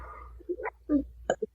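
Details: A few brief, abrupt, hiccup-like vocal sounds in a quiet room from a US high school student with Tourette's during an interview. Vocal tic.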